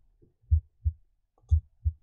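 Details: Normal heart sounds from the iPax auscultation simulator, chest piece moved over precordial sites; clean lub-dub at about 60 per minute.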